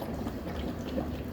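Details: Steady low bubbling from the expiratory water chamber of a Fisher & Paykel bubble CPAP, heated circuit, flow set at 8 L/min; continuous bubbling indicates a good seal and delivered pressure.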